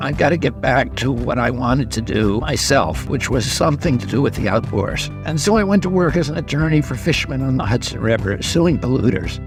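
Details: Spasmodic dysphonia in a 70-year-old man, a neurological voice disorder that began at age 42; the voice trembles and sounds raspy and croaking, where before age 46 he had a very strong voice.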